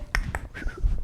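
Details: Vocal tic from an adult man with Tourette syndrome, heard as tic sounds during his speech.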